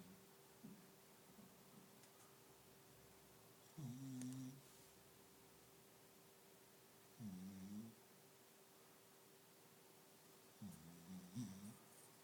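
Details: Snoring in a small dog trying to sleep: three slow, low rumbling snores, each about half a second, a few seconds apart, over quiet room hum.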